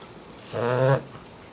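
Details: Sleeping English Bulldog puppy, female, snoring: a single short, buzzy, rattling snore against quiet room noise.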